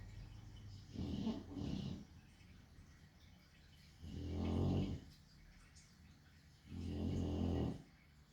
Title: Just 4 minutes of a chonk dog sleeping with occasional snoring